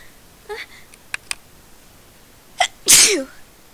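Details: One sneeze from a run of about thirty consecutive sneezes: quick in-breaths and small catches lead into one sharp, loud sneeze in a quiet room.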